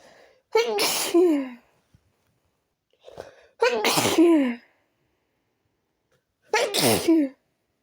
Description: I tried to Induce my sneezes with chhinkni powder..and it ended in a sneezing attack .